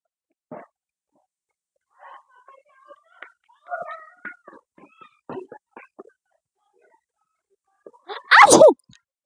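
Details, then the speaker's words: Young woman in a sneezing challenge video: quiet breathy sounds and brief noises, then one loud sudden sneeze burst near the end; an ordinary sneeze. "इतने बुले बुले चीक मेरी ची मेरे बाल खराब हो गए गाइस इतनी चीकों के चक्कर में देखो गंदी छीके"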